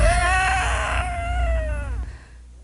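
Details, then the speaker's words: Child in respiratory distress with lower-airway obstruction: loud, high, musical whistling falling in pitch, wheezing on both inspiration and expiration as the obstruction worsens. "as the obstruction gets worse and the airway narrows you'll hear wheezing on both inspiration and expiration"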